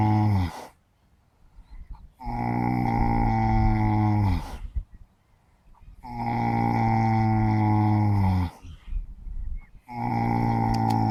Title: Sleeping horse caught snoring loudly